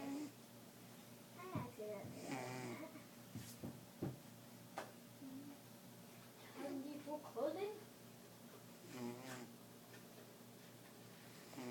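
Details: Cat napping: soft irregular snorts and snuffling snores over faint room noise. Snoring during a noisy cat nap.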